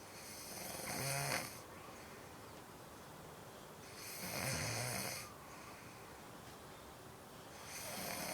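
Loud, rasping snores recur with each breath in, about 17 a minute, separated by quiet exhalations.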